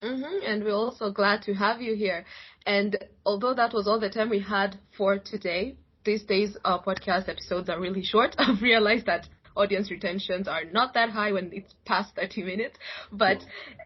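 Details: Adult speaker, podcast host; Normal fluent speech.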